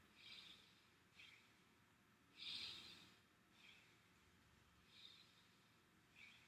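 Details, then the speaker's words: Simulated hospital head-to-toe bedside assessment, with a nurse auscultating while the patient takes deep breaths on request: soft, even breaths in and out, about 6, with no added sounds; lungs clear, normal breath sounds. "I'm looking to see that your lungs were clear and they are go ahead and lay down please"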